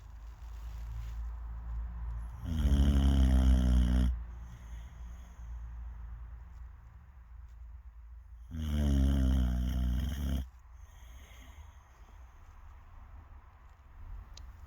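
Two loud, rough, rattling snores about six seconds apart, with quiet breathing between them. Snoring.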